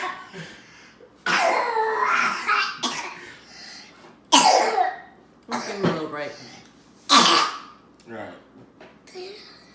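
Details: Five-year-old child laughing breaks into repeated harsh coughing bursts with choking sounds, cycling laugh, cough, choke several times.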